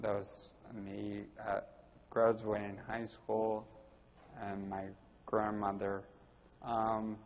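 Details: Ataxic dysarthria in a 41-year-old man with Friedreich's ataxia, diagnosed at almost age 20.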